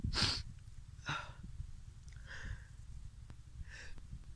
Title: I sneeze at the top of the Col du Grand Colombier